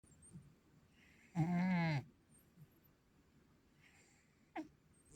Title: My Cat Snoring